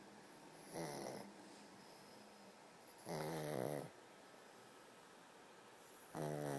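Three slow, rattling snore bursts about three seconds apart, each a low vibrating inhalation, with quiet room noise between: ordinary snoring.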